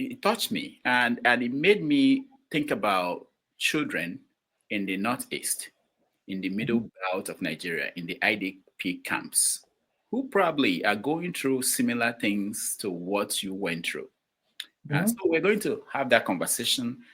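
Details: Adult man speaking; ordinary speech.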